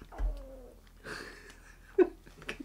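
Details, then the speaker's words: Adult's stomach rumble; a brief gurgling, cooing rumble with falling pitch, then faint rustling. "you hear that? That's my stomach. Sorry if you didn't hear it."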